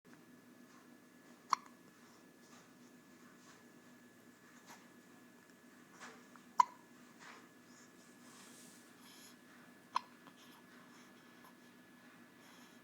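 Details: Hiccup sneeze: three sharp, abrupt hiccups spread over about thirteen seconds, with faint breathing in a quiet room.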